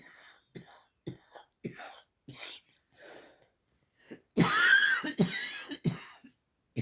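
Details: A female dog gives a run of short, soft cough bursts, then a louder harsh burst with a whining edge, and a few more coughs.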